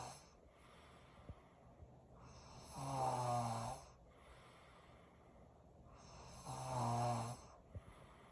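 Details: Bad snoring: rhythmic, rattling snores on each breath, about 15 breaths a minute, with quiet pauses between.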